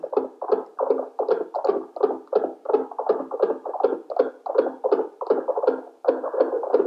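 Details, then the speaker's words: Simulated fetal heartbeat made by tapping the FHR Pro probe of a Fetomax portable NST/CTG machine during a dummy test: rapid rhythmic whooshing pulses, no patient. "now i take the fhr pro and i try to create a heartbeat sound now like you see i am trying to create a baby's heartbeat by tapping on the fhr"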